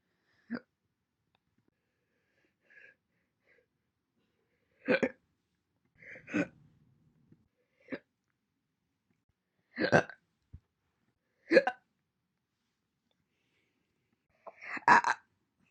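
Single short, abrupt hiccups, about eight of them at irregular intervals, separated by silence.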